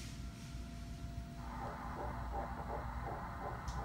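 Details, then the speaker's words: Fetal heartbeat on ultrasound at 8 weeks 2 days, crown-rump length almost 2 cm: rapid, rhythmic whooshing pulses at roughly 170 a minute, described as beautiful, a normal fetal heartbeat. "Heartbeat's beautiful. All that nausea right there."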